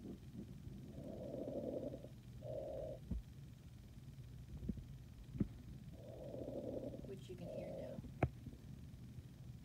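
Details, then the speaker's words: Coarse crackles programmed on a nursing simulation manikin via SimPad, volume set to maximum for recording; simulated breath sounds with scattered low popping clicks. "I'm going to choose course crackles and because we're videotaping I'm gonna put the volume up just to the the maxim here"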